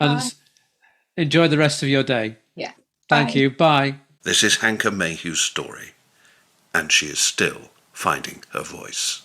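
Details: Adult narrator, with a brief exchange of other voices; normal fluent speech.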